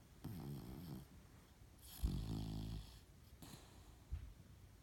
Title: Jasper snoring